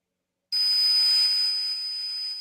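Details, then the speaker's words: Simulated tinnitus: a steady high-pitched whine, without hissing, after brief silence, imitating the constant ringing two people hear all the time. "This is what Ron and I, and maybe MPN. Yeah. This is what we hear in our heads all the time. Yep. Never stops."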